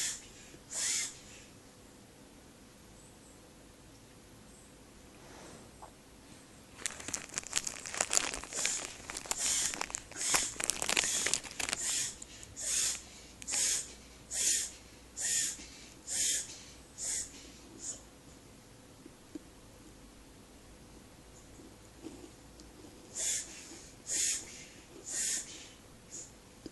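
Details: Short, high-pitched, squeaky cough-like bursts in runs from a small animal, with rustling bedding noise.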